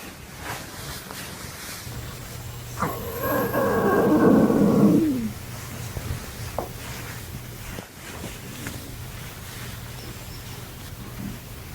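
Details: Stomach growling (borborygmi) from a girl who has not eaten in 3 days: a single drawn-out, rising and falling growl of about two seconds over a steady low background hum.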